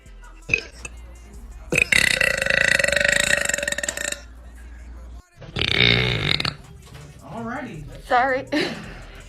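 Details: Woman's deliberate burping: several long, loud, forced belches over background music and some voices.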